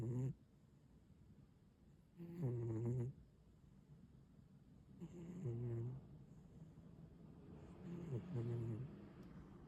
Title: かわいいモコちゃんのイビキです#ねこ #cat #snoringcat #ねこのイビキ